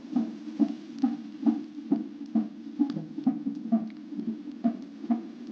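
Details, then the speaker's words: Fetal heart monitoring (cardiotocography) in pregnancy, Doppler sensor on the abdomen with gel; rhythmic whooshing pulses at about 133 per minute: normal fetal heart rate. "donc ici on voit déjà le tracé du cœur qui commence bien à se voir au monitoring"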